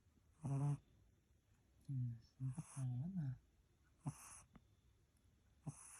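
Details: Irregular nasal snoring in sleep with low grunting, wheezy tones on the breaths.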